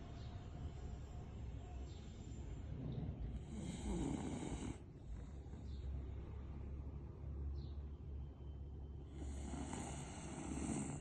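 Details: Pet snoring while asleep: low, rumbling snores in two longer bouts over steady room noise and a faint hiss.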